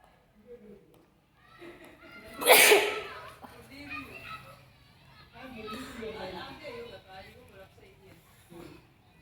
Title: Wet sneezes Africa.